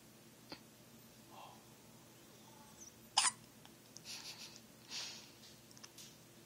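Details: Infant girl with a few short, squeaky catches of breath in a quiet room, sounding like a squeaky toy; she also hiccuped in the womb; hiccups.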